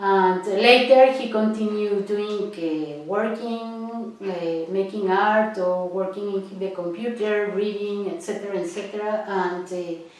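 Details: Adult woman; normal speech.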